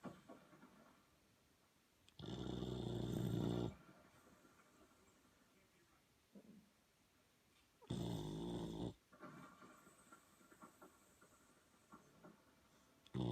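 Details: Boxer puppy asleep after a long day of playing, snoring: two loud, rough, low snores several seconds apart over quiet breathing.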